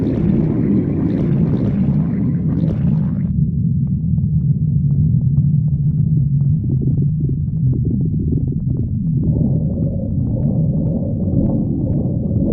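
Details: Continuous low, deep rumbling with bubbly gurgles throughout: stomach growling.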